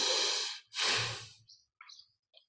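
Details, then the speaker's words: Demonstrated natural, uncontrolled breathing as a sleeper breathes, done louder than usual: audible inhale, longer exhale, then quiet; normal sleep breathing with natural pause after exhalation. "donc là on observe le souffle sans aucun contrôle et quand on respire naturellement en fait comme un dormeur un dormeur respire un petit peu de cette manière je le fais plus fort que vous"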